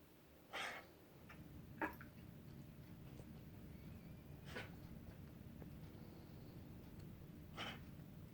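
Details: Dog with possible coughing or gagging: four brief, separate harsh bursts in a quiet room, fitting short coughs or gagging efforts.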